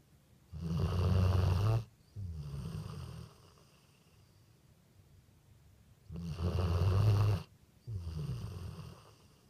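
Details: Loud, rough snoring from a dog on both breathing in and out, roughly two full breaths in ten seconds; snoring.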